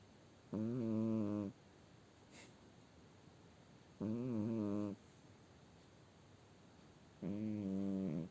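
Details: Cat with human-like snore: three loud, voiced, rasping snores about a breath apart, roughly 18 a minute, in a quiet room.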